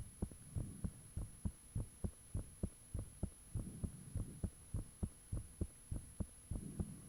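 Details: Own heartbeat recorded with the fan off, shortly after the heart began feeling really thumpy: loud, clear, regular double beats about 100/min with a faint steady hum behind; valves said audible at times; heart sounds.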